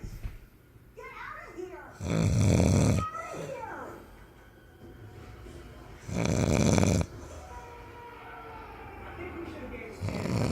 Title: snoring